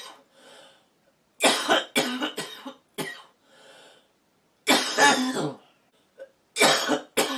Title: woman smoking coughing